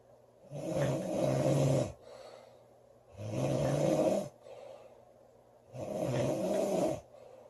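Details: Loud snoring from a girl: rough, rattling snores on each in-breath, about 24 a minute, with quieter out-breaths between.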